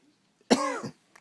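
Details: Cough: a single short, voiced cough with a squeaky rising-falling tone, ending in a brief throaty catch.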